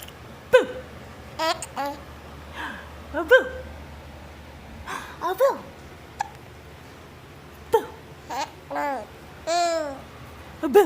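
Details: Giggling with hiccups: babbling and giggling broken by short, sharp, voiced hiccup catches.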